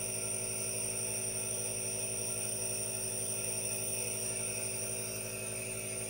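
Steady hum and hiss from an aerosol nebulizer running continuously, a normal device sound.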